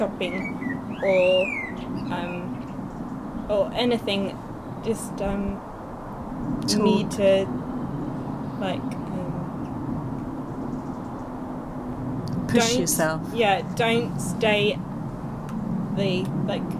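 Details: Young woman, two years after a stroke at age 18, with Broca's aphasia affecting speech, reading and writing, still progressing; effortful speech with frequent hesitations and word-finding pauses; Broca's aphasia.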